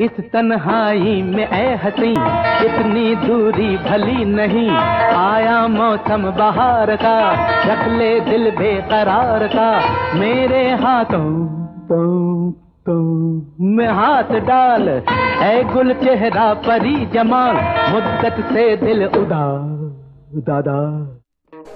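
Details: Acted, playful stammering performed in a romantic film song, not a real patient; the doctor calls this kind of stammering 'romantic'.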